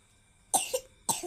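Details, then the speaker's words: Coughing from a young child, said to be coughing repeatedly. "Yum lagi batuk ya?"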